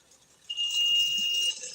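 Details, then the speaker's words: Glassblower switching on an extra 10 L per minute oxygen concentrator on his torch system to work faster and hotter with borosilicate glass; sustained high-pitched tone with rising hiss as the concentrator starts up. "That noise you just heard is me turning on my extra 10 L per minute concentrator on my on my system so that I can do this a little faster and a little hotter."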